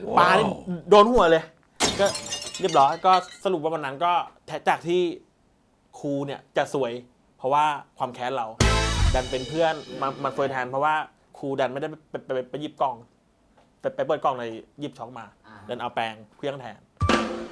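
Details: Thai speaker from a group of people who stutter, telling a story during a game; stuttering.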